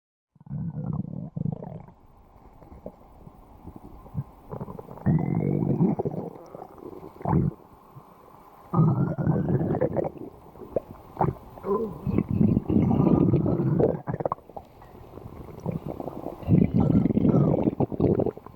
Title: Bakii's stomach Growling